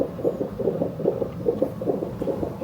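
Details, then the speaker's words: Fast, steady galloping whooshes at roughly 140 a minute from a hospital fetal monitor, the baby's heartbeat, recorded during labor after the mother's waters broke, with her in labor for about 8 hours with painful contractions. "Ito yung sa baby na heartbeat."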